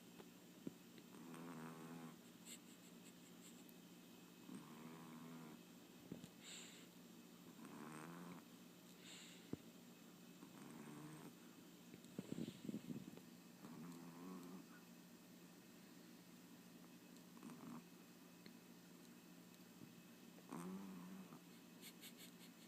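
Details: Small sleeping female pet snoring: soft, irregular snoring breaths over steady room hum.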